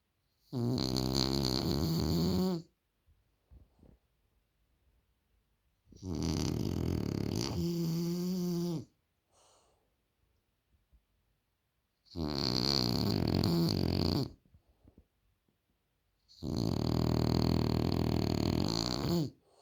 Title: Loki The French Bulldog Snores Too Loud😅😅